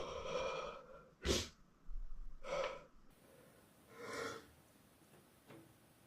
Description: he got such a lovely nose some pretty loud sneezing from him. im not really into sneezing but I think its pretty cute and hot when they rub their nose after the sneeze 😊